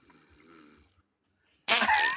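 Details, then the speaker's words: Snoring from an adult asleep during a live podcast recording. A soft, rattling breath sound, then a pause and a loud, harsh snort. "I'm sorry that funny like sorry I I couldn't hear you over the snoring"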